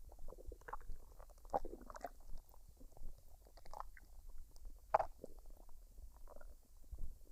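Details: Woman's belly after a fried rice and duck dinner, unedited with no added sounds: quiet soft gurgles, squelches and small clicks over a low rumble; normal bowel sounds.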